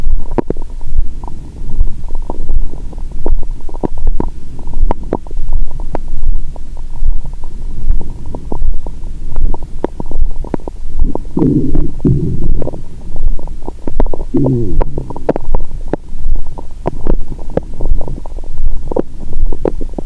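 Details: Continuous low gurgling and rumbling with frequent bubbling pops, heard through a stethoscope over an adult woman's abdomen after wine and a meal following a 22-hour fast; period due, bloated: active bowel sounds.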